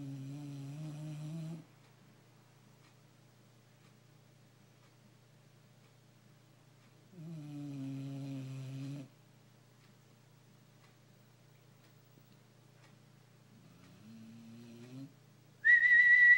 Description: This is my dog. Snoring like a old man